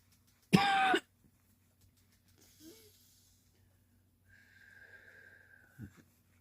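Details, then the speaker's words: Cough from an adult with a worsening cold, with sneezing, sniffling and a catch in the throat when talking too much; cough. "I'm going to apologize now for any sneezing or sniffling or coughing that I might do like in a second sorry kind of catches especially if I talk too much"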